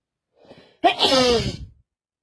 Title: Wet cold 🤧 sneezing